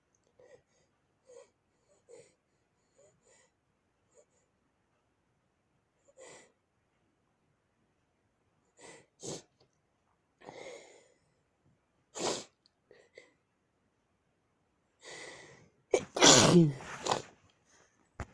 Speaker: I don't think my nose has another one. No, I won't sneeze. It isn't gonna happen.